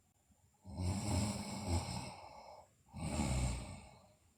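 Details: Two long, rough, rattling breaths with a pause between in a sleeping girl; sleep snoring.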